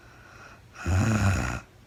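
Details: Real-time overnight recording of a woman sleeping, part of a four-hour recording, no talking: one short, low, rattling snore lasting under a second on a breath in; ordinary snoring during sleep.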